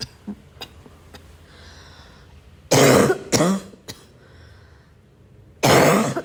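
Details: Barking cough described as wheezing: three harsh, forceful cough bursts with soft clicks between them.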